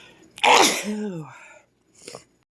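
One forceful sneeze: a sharp explosive burst trailing into a voiced falling 'ahh', then a smaller second sneeze-like burst.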